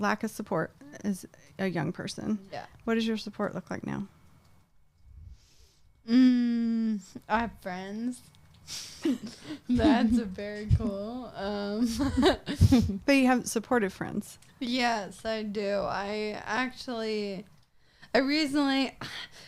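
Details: 26-year-old woman with Friedreich's ataxia, a progressive genetic disease of the nervous system affecting her coordination, speaking in a real interview; ataxic dysarthria.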